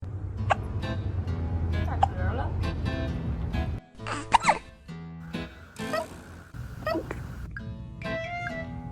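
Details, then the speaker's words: Kitten with hiccups after eating its food too fast: several short, sharp hiccup sounds over background music and talk. "You see what happens when you eat your food too fast? Tick tock. [Music] You got the [Music] hiccups. He has the [Music] hiccups."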